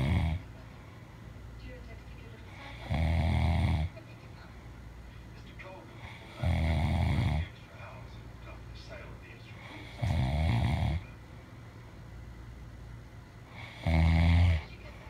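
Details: Adult sleeping: loud, low, rattling snores with each in-breath, about 17 a minute, separated by quiet exhalations; snoring.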